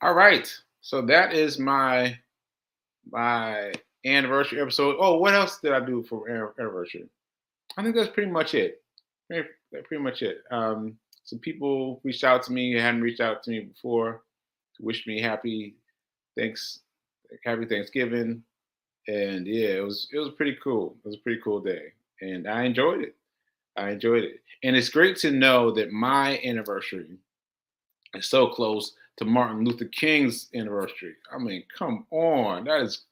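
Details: Man with aphasia, a language disorder affecting communication, about six months into recovery since July; aphasia.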